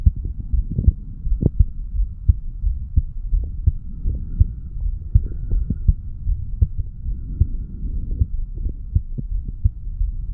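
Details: 35-year-old male's own heartbeat recorded by stethoscope at the mitral area after weight training: quick, steady thumps over low background hum; heart sounds after exercise.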